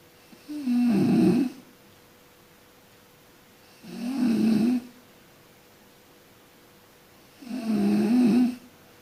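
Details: Person sleeping and snoring: three low, rattling snores on inhalation, roughly 17 a minute, with quiet breathing between them and a faint steady hum behind.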